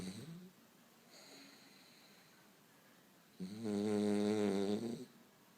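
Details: French bulldog snoring: a loud, drawn-out droning snore on the in-breath following a quieter one; typical noisy snoring of a flat-faced dog.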